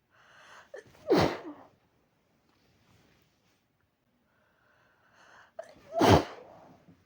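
Two sneezes, each with a quick in-breath and then a sharp explosive burst, about five seconds apart.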